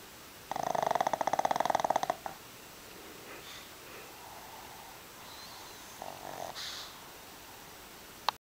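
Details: Loud, fluttering, rattly snore followed by quiet breathing and a few faint snuffles during sleep; snoring described as very loud.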